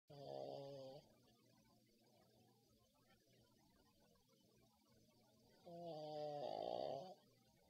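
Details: Pug, a flat-faced dog, snoring loudly while asleep: two loud, buzzing, nasal snores about five seconds apart with quiet breathing between.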